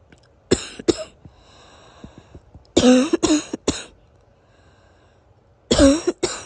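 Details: Somewhat wheezy morning cough in an adult sniffling and coughing for days after a weather change from 90° to 70°: three bouts of harsh coughing, seven coughs in all, with faint whistling wheeze between breaths.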